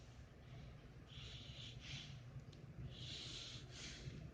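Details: Sleeping dog snoring: soft, hissing snorts on breathing in, repeating over a few seconds.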